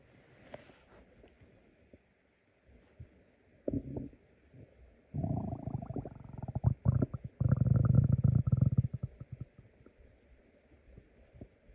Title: Decided to make a stomach growl video because I am hungry.